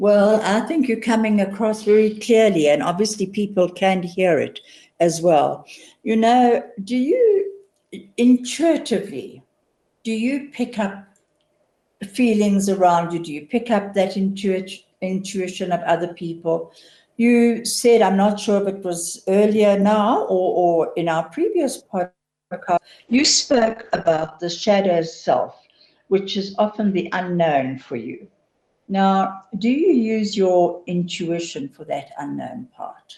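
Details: Adult woman speaking; typical speech.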